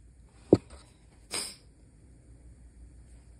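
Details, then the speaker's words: Adult stifling a sneeze at night to avoid waking a sleeping spouse: a short muffled burst, then a brief hissy puff of air in a quiet room; the attempt to stay quiet isn't working. "I'm trying to keep it quiet. Yeah, I can tell. It's not working."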